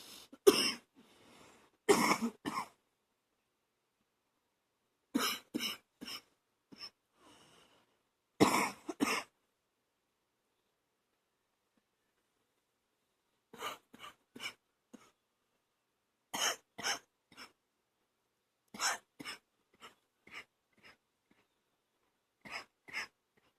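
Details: Night-time coughing with phlegm that makes the person gag: repeated loose, rattling coughs in clusters from an adult, a productive wet cough.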